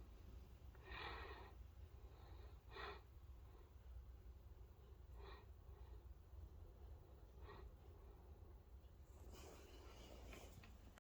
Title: A Snoring Great Dane